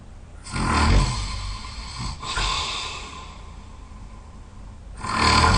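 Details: Loud, heavy snoring from a very tired sleeper: deep rattling snores with snorting breaths in, about two cycles in five seconds.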